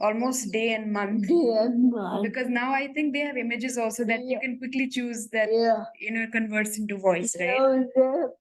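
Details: Adult woman speaking; typical speech.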